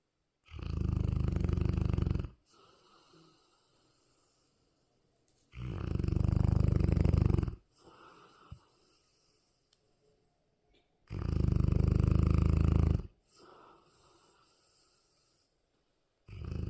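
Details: A sleeping Cane Corso dog snoring: loud, deep rattling snores at about 11 breaths a minute, with quiet exhales between.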